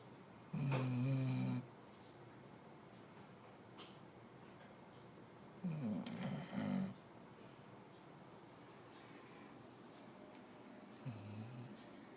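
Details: Three loud, rattling snores spaced several seconds apart in a quiet room from a 6-month-old female Labrador puppy in deep sleep.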